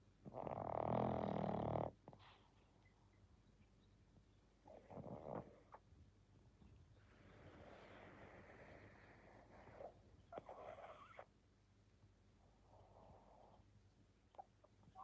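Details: Pug dog snoring while asleep.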